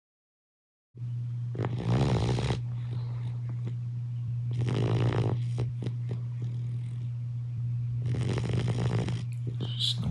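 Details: Two sleeping Boxer puppies napping and snoring: rough, snorting breaths recur every few seconds over a steady low hum.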